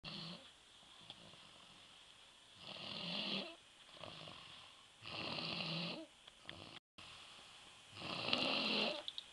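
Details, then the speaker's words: A sleeping young stepson who will not wake after a night of fireworks gives steady, breathy snores about every 2.5 seconds, hissing on each breath in, over faint room hum: snoring. "Aha, there you are. I caught you snoring. Party animal."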